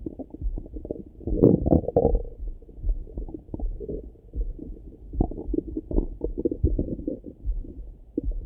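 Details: Own stomach rumbling in the morning, stethoscope over the belly: low gurgling rumbles and bubbling pops, ordinary bowel sounds (borborygmi) of a normally active gut.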